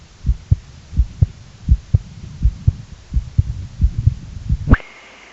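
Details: Heartbeat recording: steady paired low thumps at about 83 beats a minute, ending in a brief click and tone.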